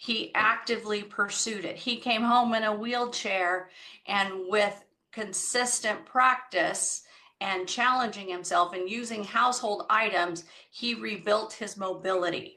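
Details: Adult woman speaking; normal speech.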